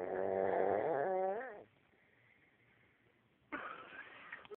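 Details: A man snoring: a loud, rattling, buzzing breath noise ending in a falling tone, then quiet and a softer breath.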